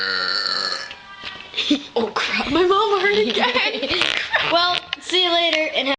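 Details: Girls in a burping contest after chugging Dr Pepper: long, loud, voiced burps, some drawn out and rising and falling in pitch, with music and chatter behind.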